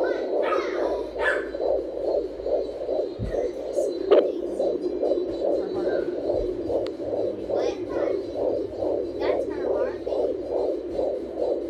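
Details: Fetal heartbeat of an unborn baby girl on a home Doppler: rapid, regular whooshing at about 135 beats a minute, a normal fetal rate.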